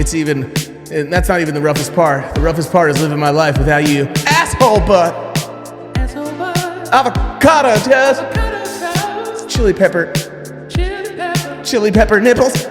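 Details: Acted comedy portrayal of an adult man with Tourette syndrome for 15 years, based on a relative's real condition; sudden obscene outbursts interrupt his speech, said to flare with nervousness; vocal tics with coprolalia, acted.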